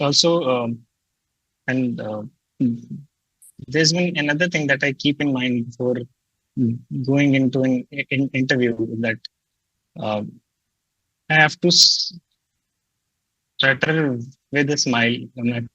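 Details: Adult man who stutters, reporting fear of stuttering and blocking before job interviews; stuttering.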